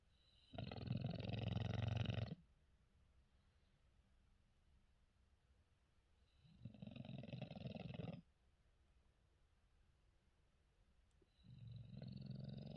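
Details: Female English Bulldog/Shar Pei mix sleeping: loud, low, rumbling snores about every five seconds, roughly 12 breaths a minute, with quiet gaps; vibration felt when she snores.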